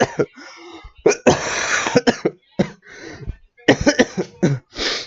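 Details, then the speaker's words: Repeated loud, harsh coughs in bursts of two to four with throat clearing between, acted rather than spontaneous by a person who is already sick, in a small quiet room; deliberate coughing. "fun fact epic gamers i actually didn't really cough for 10 minutes because i'm already sick and i don't want to kill my throat so um basically it's just audio it's just like a [ __ ] two minutes audio file of me coughing around"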